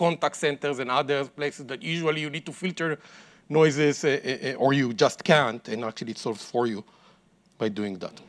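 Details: Adult man speaking; ordinary speech.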